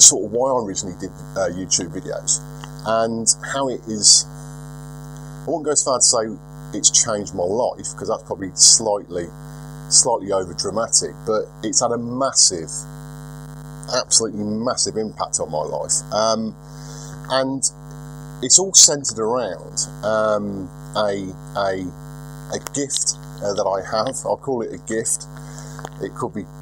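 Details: Lifelong stuttering in a 42-year-old man, milder than 4 or 5 years ago with occasional relapses; unedited recording.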